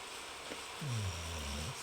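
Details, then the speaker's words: A dog snoring loudly in the room, picked up faintly by a microphone: a single low, rumbling snore. "snores like nobody's business"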